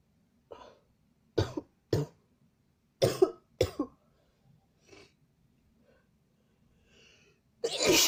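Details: Sneezing and nose blowing after sniffing pepper: a run of short, sharp nasal bursts, then a louder final sneeze after a pause.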